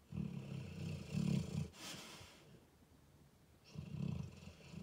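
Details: Debo, a 4-year-old American Staffordshire Terrier/Pitbull, asleep on his blanket: loud, rough rumbling snores with a fluttering quality on inhalation, a pause, then another snore; dog snoring.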